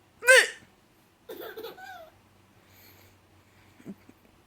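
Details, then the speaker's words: A grandmother gives a sharp, sudden hiccup, followed by a baby's laughter and soft background noise. "okay grandma's got the hiccups and apparently you think it's funny"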